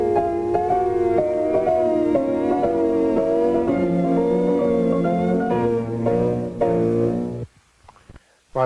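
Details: Music with the upper octaves lost, simulating the beginning high-frequency hearing loss conceived for Beethoven's left ear, per an abnormal audiogram.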